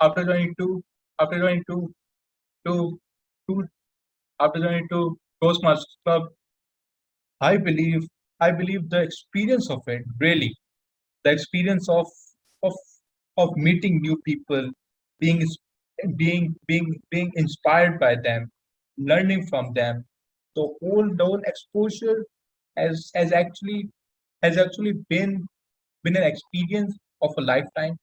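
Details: Adult male panelist who stammers, with repetitions in speech: stuttering (stammering).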